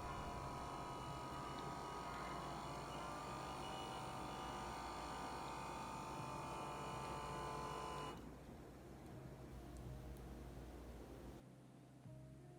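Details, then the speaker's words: 35-year-old African male doctor taking his own morning reading with an automatic upper-arm home blood pressure monitor, arm rested at heart height: steady pump hum inflating the cuff, then quieter deflation; result 132/83. "you can get a home blood pressure machine that's automatic these are feeling easier to use when you're rolling solo"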